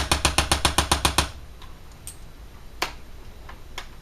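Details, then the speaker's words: Chiropractic spinal adjustment with a spring-driven Impulse adjusting instrument on a low setting, moving from the thoracic to the cervical spine: a quick burst of eight even mechanical taps, then a few scattered clicks; a gentle, non-cracking technique. "and for the cervical spine we'll go down a little bit lower and make the adjustment and so that is the use of the impulse instrument the impulse instruments once again is a gentle non-cracking approach to Chiropractic Care"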